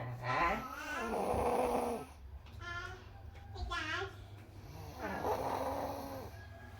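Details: Loud, rough, rattling snores on breathing in, with quieter breath sounds between them, in a small room; ordinary snoring.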